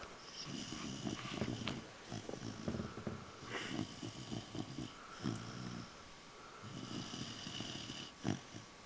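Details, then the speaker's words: A sleeping female dog (Bailey, called "puppy") snoring: rattling, snorting snores with a few sharp snorts and faint room noise. "Bailey snoring. One-on-one."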